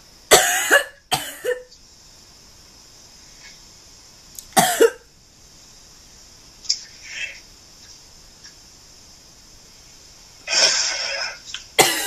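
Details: Acted cough, faked as coughing up blood in a prank: several harsh, forceful cough bursts with gaps between, over a steady background hiss.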